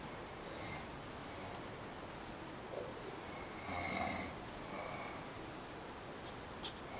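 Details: Faint, rough snoring breaths from a sleeping adult man in a dark room against steady room hiss: snoring.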